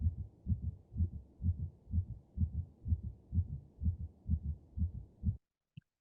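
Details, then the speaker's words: Simulated healthy heartbeat from a black Labrador canine veterinary training mannequin heard by stethoscope: steady, even lub-dub at about 120 beats a minute; normal heart sounds. "now they can then put that here and have it in their stethoscope and they would be able to hear that normal sound that normal heartbeat"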